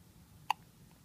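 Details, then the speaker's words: Sleeping newborn boy with hiccups: a single short, sharp hiccup against quiet room noise. "Hmm. How does he sleep through hiccups?"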